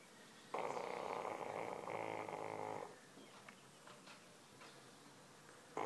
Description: My english bulldog and her agressive snoring habits